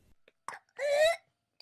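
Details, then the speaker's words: A brief cough burst followed by a high, rising, musical indrawn whoop, played as an example of whooping cough (pertussis), a highly contagious bacterial infection that interferes with breathing. "whooping cough which is also called pertussis is highly contagious it's a bacterial infection that can be deadly to newborns it causes a whooping sound that often sounds like this and interferes with breathing"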